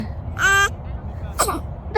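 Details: Newborn baby sneezing: a short, high-pitched squeaky burst, then a second quick breathy burst, with people saying "bless you" afterwards. Newborn sneezes.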